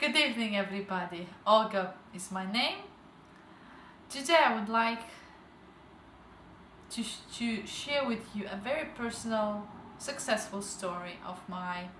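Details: Adult woman with stuttering since age 12, recovering after a stuttering treatment program, with slight residual difficulty and audible word repetitions.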